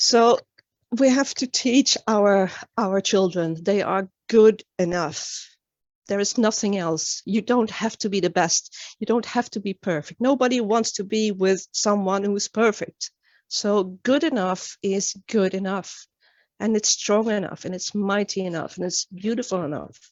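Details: Adult woman who stutters; stuttering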